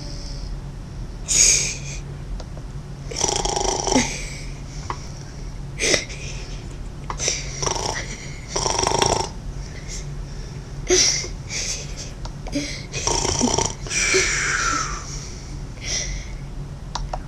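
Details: Mother asleep, snoring: loud, irregular snorting and rattling breaths over a steady low hum of room noise; snoring during sleep.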